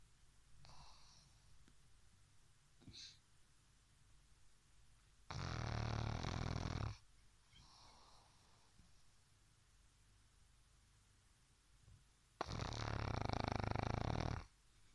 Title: Chrapanie naszego mopsa - snoring pug